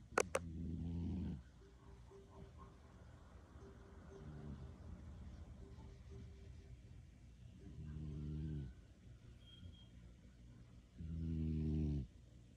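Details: Cat sleeping in a person's lap, snoring: three soft, low, buzzing snores a few seconds apart with faint breathing between; ordinary snoring.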